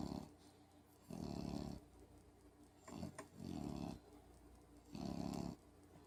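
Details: Rhythmic low, buzzy snores about every two seconds from a sleeping puppy, over a steady background hum: ordinary puppy snoring.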